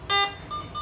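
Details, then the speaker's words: Bright electronic beeps from an Alaris infusion pump, warning that the rate exceeds the 500 ml per hour guardrail limit and asking for confirmation; demonstration infusing 20 ml into a plastic bag. "now rate exceeds guard rails limit of 500 ml per hour are you sure yes so now it is now infusing"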